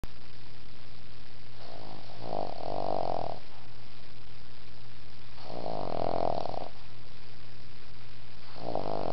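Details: Snoring while sleeping between grandpa's legs: slow, regular, rumbling snores about every three to four seconds over a steady low hum.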